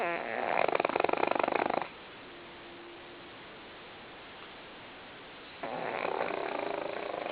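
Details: Female pug lying still, deeply asleep after a tiring day, snoring loudly with long rattling drawn breaths and quiet pauses between; heavy snoring in a flat-faced dog.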